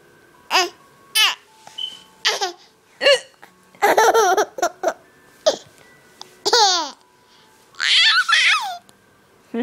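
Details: Mother and young daughter hiccuping together, audio only; sharp voiced hiccup gulps repeating among giggles and laughter. Hiccups.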